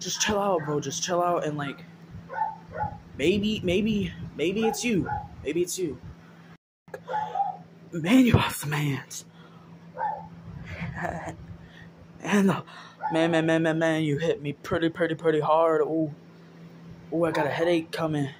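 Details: Acted stuttering by a young man in a comedy sketch, in which his character states he has a stuttering problem.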